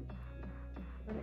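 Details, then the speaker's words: Home fetal Doppler (Hi! Baby Sounder) probe with gel placed on a pregnant woman's belly: rapid, regular whooshing pulses over a steady low hum; fetal heartbeat. "baby's health is so important so to be able to hear the heartbeat at any time really gives you that peace of mind"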